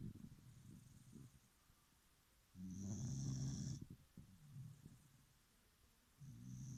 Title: My dog snores like an old Man...